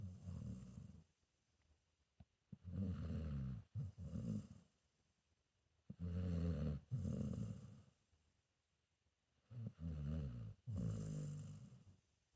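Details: A sleeping senior pit bull mix dog: deep, rumbling snores in pairs of breaths in and out, with quiet pauses between. Snoring.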